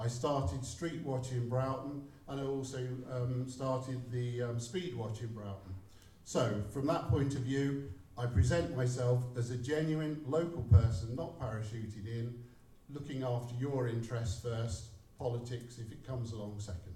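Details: Adult man; no speech disorder.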